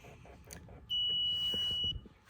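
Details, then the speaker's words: An auto syringe pump driving a 10 ml syringe makes soft mechanical clicking, then a single steady high-pitched beep of about one second, its alert that the full dose has been delivered. "Once the final destination is reached and all the medicine has been administered, it will stop and alert you and tell you that it's finished."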